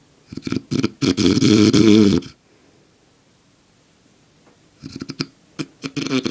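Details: Adult man, father, sleeping very soundly: a loud rattling snore, a long pause, then a series of short snorting breaths; snoring.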